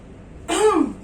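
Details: Deep breathing and effective cough exercise taught by a nurse to a male patient: after deep breaths held 1–2 seconds and exhaled through the mouth, a single short, forceful cough burst to clear sputum.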